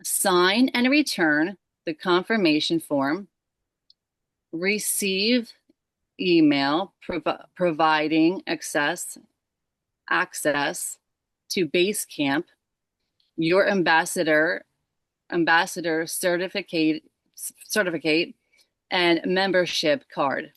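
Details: Aphasia in an adult woman who is a stroke survivor; word-finding pauses heard.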